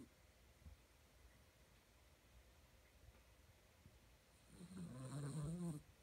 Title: Puppy Maltipoo snoring while sleeping